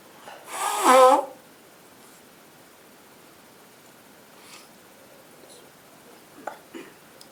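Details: Girlfriend with a cold: one loud sneeze, then quiet sniffing and soft nose sounds in a quiet room; sneeze.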